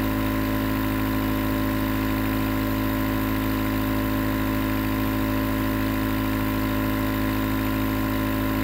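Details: Nebulizer compressor recorded as 20 minutes of sleep white noise: steady, continuous mechanical hum and hiss of the nebulizer running.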